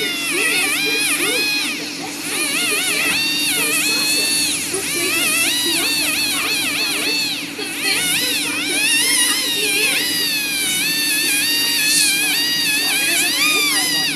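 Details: Dental drill polishing a newly placed tooth filling to remove excess and roughen-free the surface, heard from the patient's chair: high-pitched whining drill with rising and falling pitch over a steady room hum.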